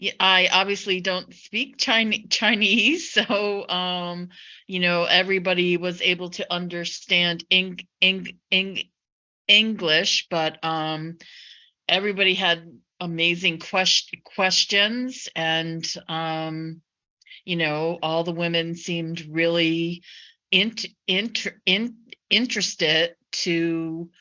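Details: Chinese woman who stutters, a PhD student presenting on stuttering self-help in China, with sound and word repetitions; stuttering.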